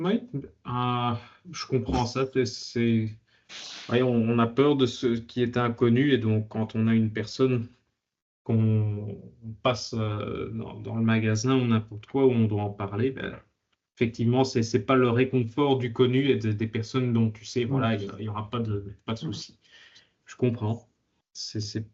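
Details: Adult man; typical speech.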